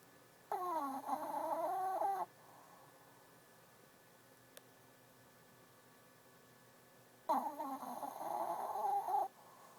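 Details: Two nasal, whistling snores, each about two seconds long and about seven seconds apart with silence between, from a sleeping female lying under a desk.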